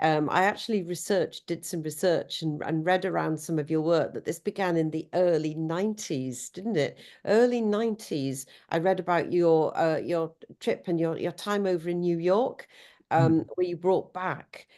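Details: Adult woman speaking; Normal speech.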